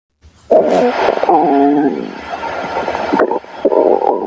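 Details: Loud, warbling gurgles and squeaky rumbles from an adult's stomach: stomach growling (borborygmi), ordinary bowel sounds.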